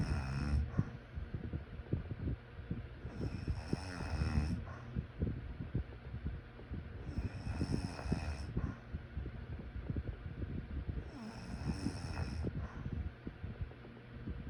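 Loud, rattling snores repeating about every four seconds over steady background noise; snoring during sleep.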